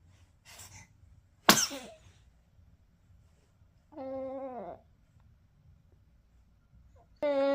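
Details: A baby's short, sharp sneeze followed by soft babbling in a quiet room; sneeze.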